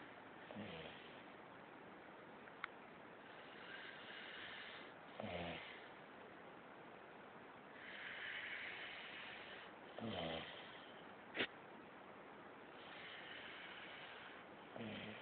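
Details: Snoring: faint, irregular snorting snores about every five seconds over a steady hiss, with a few clicks; quiet snoring.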